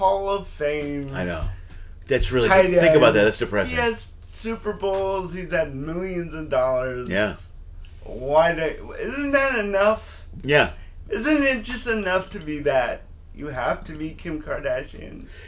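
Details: Adult man, a comedian and father of two teenage boys, born with cerebral palsy, who says he sounds like this all the time; dysarthria from congenital cerebral palsy.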